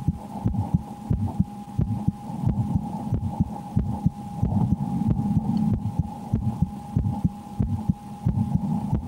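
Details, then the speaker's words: Own heartbeat heard through a stethoscope, checked just before playing the horror game Slender: The 8 Pages. Regular low thumps at about 90 per minute with a steady hum; normal heart sounds. "Please let me know if the sound is okay for you, if you're hearing my heart."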